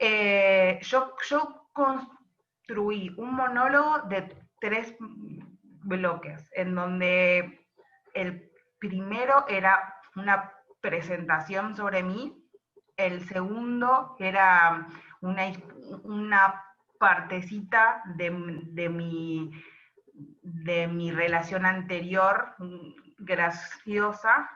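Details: Adult woman who stutters and performs stand-up comedy: stuttering.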